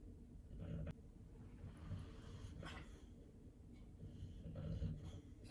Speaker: you guys hear that i am sorry about the snoring dog